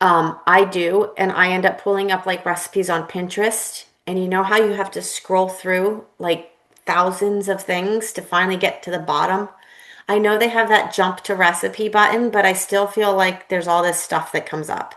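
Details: Adult woman speaking; no speech disorder.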